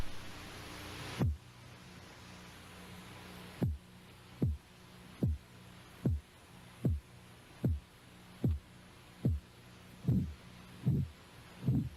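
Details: Brief hiss, then regular low Korotkoff thumps at about 75 per minute, heard by stethoscope at the elbow as the blood pressure cuff slowly deflates.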